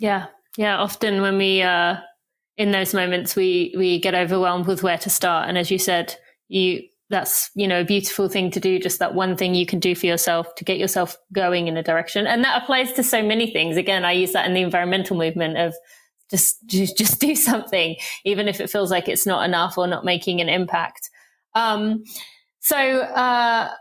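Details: Adult woman speaking; normal speech.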